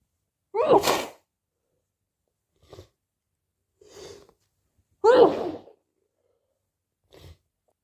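Two forceful sneezes, each followed by a soft breath or sniff, in a quiet room.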